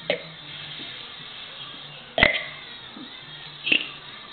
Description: This video is about my little brother burping the alphabet!